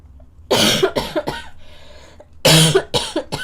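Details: Girl coughing: two clusters of short, harsh coughs, about six bursts, with room noise between; she says mornings are worst and the cough worsens when lying down.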